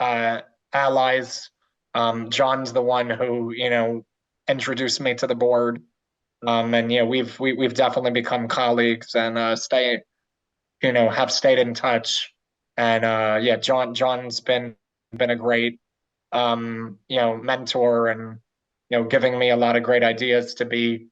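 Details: Stuttering in an adult man who had speech therapy and went through desensitization to his own stuttering.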